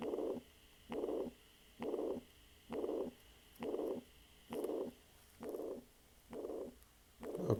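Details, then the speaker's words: Mitral regurgitation on a cardiology exam teaching station: soft or absent first heart sound with a pansystolic murmur at the apex, normally radiating to the axilla. "so must mention that the patient has a soft first heart sound and i can hear the pen systolic murmur with apex and normally it radiates to axilla"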